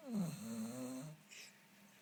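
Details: Pet dog (female) snoring: a single rough, fluttering snore on a breath with a faint snort after it.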